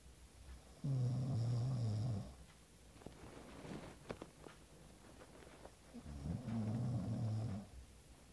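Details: Two long, loud, low rattling snores with a quieter breath between them, from a sleeping person; snoring.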